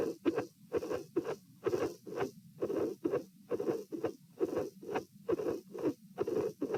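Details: Midsystolic murmur at the pulmonary area (position P), patient sitting, dilated aortic root: regular heartbeat near 70 a minute with a rough midsystolic murmur. Irregular beats were edited out.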